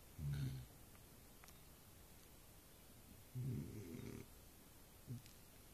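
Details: Adult man snoring loudly, likened to a bull elephant seal: low rumbling snorts on two breaths and a brief third, with faint background hiss.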